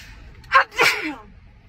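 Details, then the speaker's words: Sneeze from a girl, set off by a Covid-19 nasal swab test while swabbing the other nostril; a quick inward catch of breath, then one forceful sneeze. "okay can you do the other side i know okay i'm gonna sneeze"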